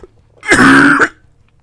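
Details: A single harsh, voiced, gravelly throat clear of about half a second from an adult live-streamer, followed by coughing and watering eyes.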